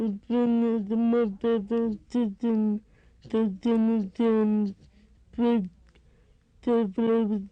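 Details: Young girl with severe bilateral hearing loss, using hearing aids; deaf speech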